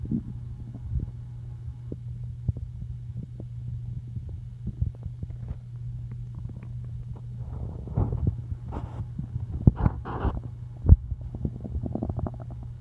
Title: Loud stomach growls